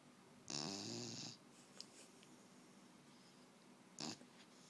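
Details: Sleeping Beagle snoring: one raspy, fluttering snore followed later by a brief snort in a quiet room.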